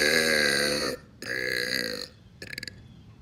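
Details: Burping at a pool: two long, loud, voiced belches followed by a short rattling one.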